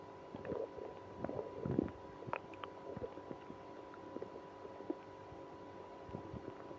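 Irregular gurgles and low rumbles from the abdomen: active bowel sounds, stomach growling with irritable bowel.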